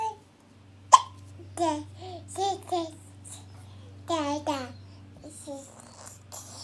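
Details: Hiccups in a 10.5-month-old baby girl babbling, with sharp, sudden hiccups interrupting the babbling over a steady background hum.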